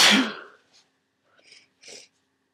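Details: One loud, wet, explosive congested sneeze during a head cold with swollen sinuses, followed by faint sniffs and tissue rustling.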